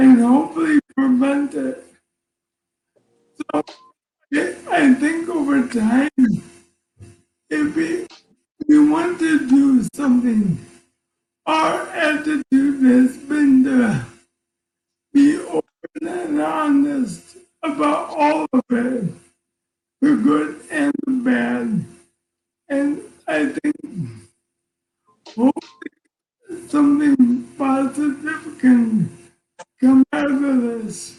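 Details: Man diagnosed with ALS in September 2019 at age 54, who says ALS is taking a toll on his voice and he can be hard to understand; dysarthria (ALS).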